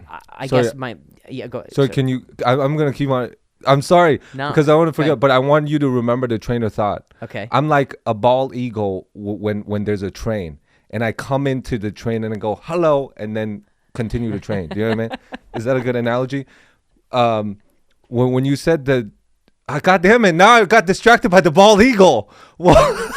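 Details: Adult man speaking; normal conversational speech.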